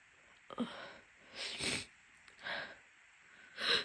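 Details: A woman with a cold has a sneezing fit at university and is unable to stifle the sneezes: messy sneezing.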